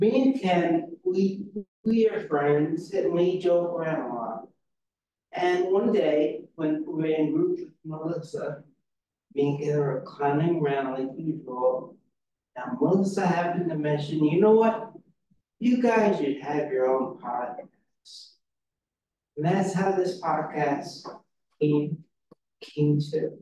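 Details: Real adult woman with aphasia who is a member of an aphasia institute and helps train conversation partners; aphasia.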